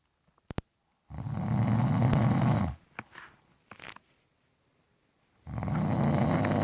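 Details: Sleeping husband snoring.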